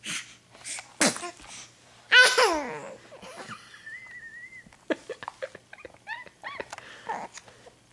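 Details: Young child sneezing: sharp sneeze bursts followed by giggling and babble.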